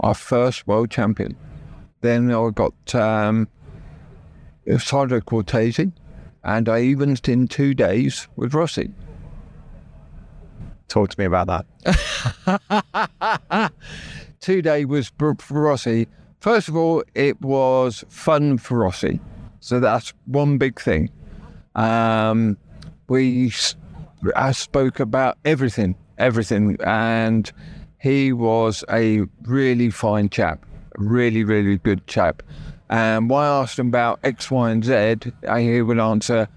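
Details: Adult male stroke survivor with right-sided paralysis who had to relearn speech, leaving hospital able to say only three words, with persistent aphasia where intended words come out differently; aphasia after stroke.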